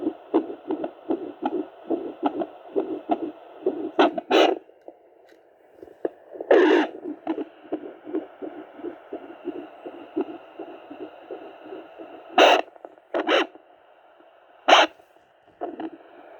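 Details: Rapid, rhythmic whooshing heartbeat pulses picked up by a Doppler monitor, with a few louder bursts of handling noise.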